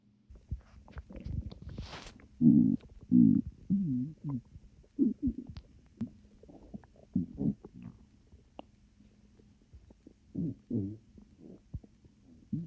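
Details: Calm stomach growling, which the recorder guesses comes from swallowed air, and is calmer than usual: low gurgling rumbles and squeaky bubbling bursts that come and go irregularly with short quiet gaps, plus quiet burps.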